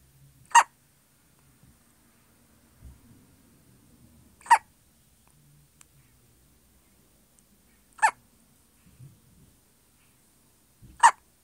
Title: Baby hiccups in hes sleep